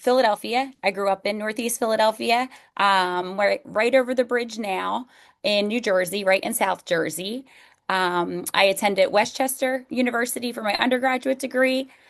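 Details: Adult woman; normal speech.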